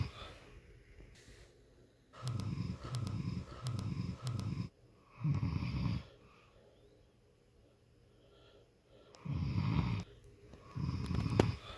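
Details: Wife snoring at night, a nightly problem keeping her husband awake: repeated low, rattling snores in roughly one-second bursts, with short pauses and quiet gaps between bouts.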